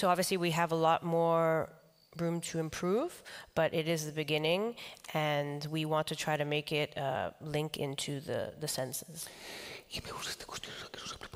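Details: Man with the neurological disease dystonia, which in his case impairs control of his neck movements and can affect other body parts; he says he has no real tone of voice: dystonia affecting the voice.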